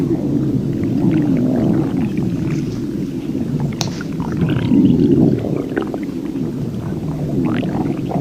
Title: Burger brawl human Irish stomach growl